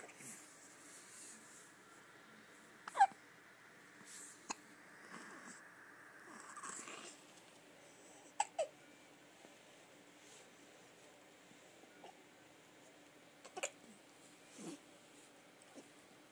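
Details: Hiccups in a 2-month-old girl lying in bed with her father: faint, sharp, abrupt catches repeating every few seconds over quiet room noise.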